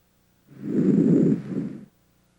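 A single soft, low-pitched breath sound over the front of the chest, without added sounds.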